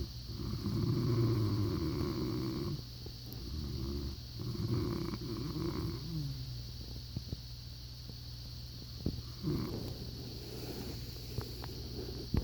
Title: Snoring(2)